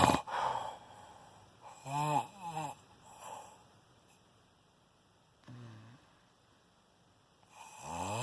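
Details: Snoring on the second night at 4:40 am, described as shocking: irregular, pitched rasping breaths with quiet gaps and some room noise during sleep.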